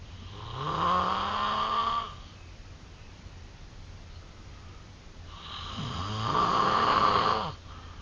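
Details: Sleeping man snoring: two loud, droning snores with quiet breathing out between them.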